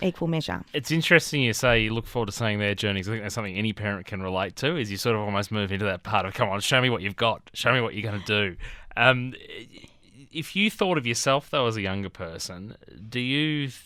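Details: Adult male interviewer; typical speech.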